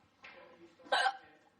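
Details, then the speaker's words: A brief breathy lead-in, then one sharp, loud voiced catch: a single hiccup, which the person says always comes loud with a head jolt and happens to them often. "Yeah, there's what's happened when I get hiccups. I'm sure it has to be that loud with a head jolt."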